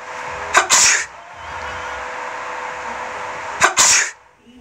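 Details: Two sharp, hissing explosive sneezes about three seconds apart over steady background hum, from a sneezing experiment filmed with a high-sensitivity camera to track droplet spread.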